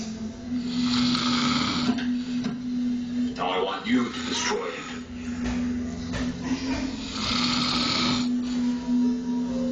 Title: hubby snoring take TWO !